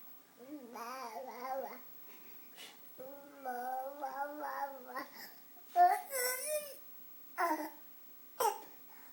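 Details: 6-month-old infant babbles and coos, then gives a few short, deliberate throat-clearing coughs to get attention: voluntary cough.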